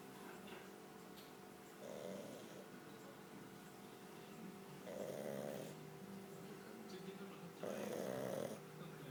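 Three loud, rough snoring breaths rise out of a steady background hum, each noisy inward snore lasting close to a second.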